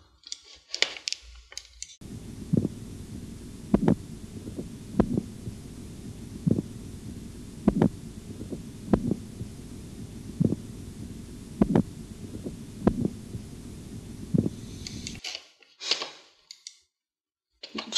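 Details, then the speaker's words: Regular soft tapping Korotkoff sounds over a low hum during cuff deflation in an auscultatory blood pressure training exercise; a few irregular sounds at the start are disregarded. Patient has bradycardia; first tone at 140, last at 88 mmHg, reading 140/88. "Совершенно четко и ясно можно увидеть, что первый тон Короткова появляется прямо ровно на 140 мм рт.ст."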